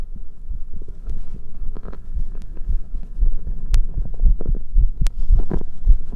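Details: Visible chest pulsation with heart sound: low, dull thumps of an adult heartbeat recorded at the chest, with some rustling and hum; heart sounds.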